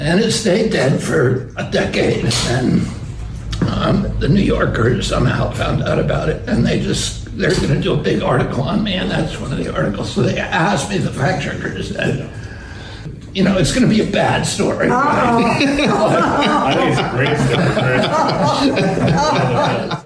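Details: Adult man in a real interview clip telling a story; he attributes his voice to spasmodic dysphonia, a vocal condition he says he has.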